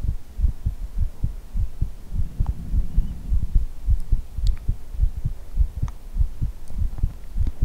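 Steady low thumping beats at about 100 a minute over a soft hum; a heartbeat.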